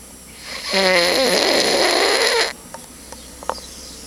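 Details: Adult friend sleeping, continuation recording: one loud, rough, rattling snore on the in-breath lasting about two seconds, then quiet room noise with small clicks; snoring.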